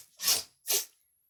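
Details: Boy with Tourette syndrome making an involuntary simple vocal tic.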